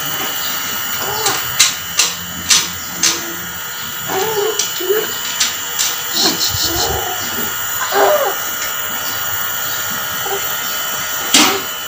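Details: Nebulizer treatment, with NaCl and a mask, for an infant with cough and cold: a steady high motor whine, partly masked by nearby talking and clicks in a small room.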